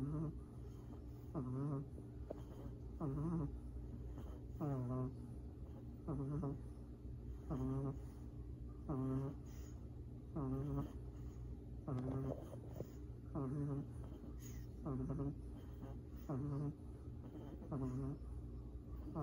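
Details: Two baby black pugs sleeping: soft, regular snoring with a fluttering, vibrating quality on each breath, about 40 breaths a minute, over a steady low hum; puppy snoring.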